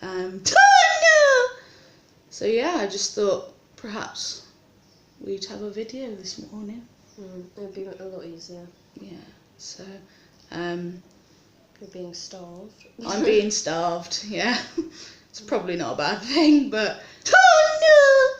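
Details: Adult woman with Tourette syndrome in hospital awaiting an ERCP, with tics worse than usual from stress about the procedure; vocal tics (Tourette syndrome).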